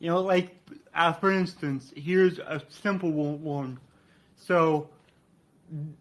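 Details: Adult man with cerebral palsy, which he attributes to brain damage after being born without heartbeat or breathing and being revived; he describes a resulting speech impediment; dysarthria.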